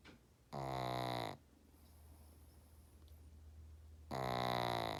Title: Peaches snoring